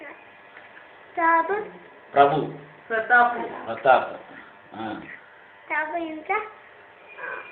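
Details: Stammering in a child who struggles to say words, especially the first word; stuttering.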